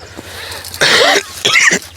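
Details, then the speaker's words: An adult coughs twice, loud and harsh with a brief pause, over a low background hum; the cough has lasted for some time. "This tea, as we like tea so much, so you can hear I'm coughing, but it has been that way for some time."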